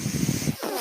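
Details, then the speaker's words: A podcaster's own mechanical ventilator, recorded while he speaks: a brief low mechanical rumble followed by a soft airy hiss. "My name is. That noise you're hearing is my ventilator."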